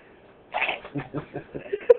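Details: Staged, imitated sneezes, many in a row: a sharp intake followed by a series of short voiced bursts, not real reflex sneezes; faked sneezing.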